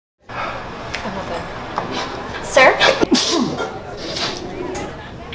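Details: A loud, explosive sneeze performed in a comedy sketch, with a noisy background and voices.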